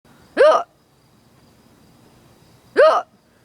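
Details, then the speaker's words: Person who often gets hiccups: two abrupt, voiced hiccups about two and a half seconds apart in a quiet room, after which they seem to stop; typical hiccups. "hiccups again huh if you can't yeah yeah yeah hang on hold on I think they stopped yeah"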